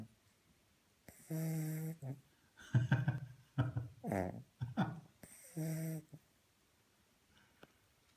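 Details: A puppy snoring.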